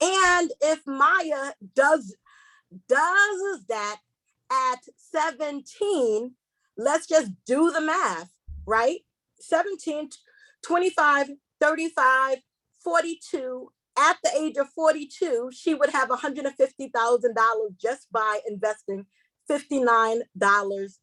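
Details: Woman who identifies herself as a stutterer, repeating a word several times while hosting a seminar; she warns listeners she will stumble across words: stuttering.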